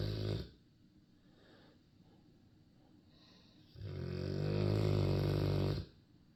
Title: turner snoring again